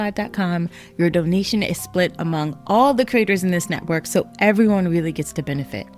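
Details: Adult speaker; ordinary speech.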